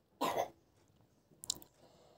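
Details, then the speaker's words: Single short, harsh cough from a young girl who has been coughing a lot, followed by faint clinking in a quiet kitchen room. "আমার বাচ্চা খুব কাশি হয়েছে এজন্য হয়তো কাশির শব্দ আপনারা শুনতে পাবেন দয়া করে ইগনোর করবেন"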